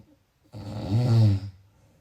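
One low, rattling, vibrating breath lasting about a second: a snore.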